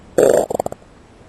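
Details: A loud brief gurgling growl ending in a few quick bubbling pulses; ordinary stomach growling, a normal sound of gut movement.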